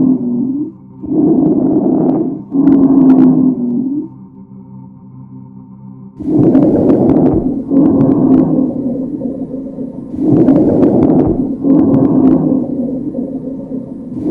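Labored, noisy breathing with harsh, moaning tonal sounds on both inhale and exhale, about 15 breaths a minute, from COVID-19 lung involvement.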